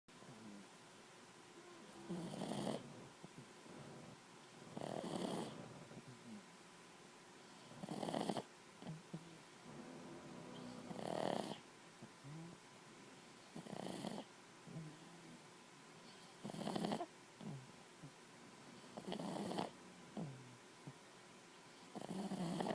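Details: Soft, regular snoring at about 21 a minute from a small pet cuddling on a cold day, recorded very close up as it snores right into the owner's ear.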